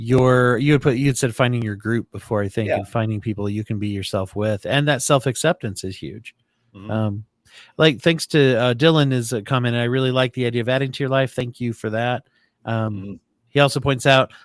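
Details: Adult man speaking; normal speech.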